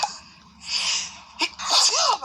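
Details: Sneezing after a thrift store visit: a sharp intake of breath, then two explosive sneezes and a brief voiced exclamation.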